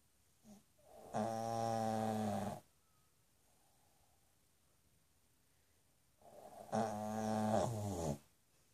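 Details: Pug snoring after playing with a dachshund: two loud, rattling, voiced snores with quiet pauses between breaths.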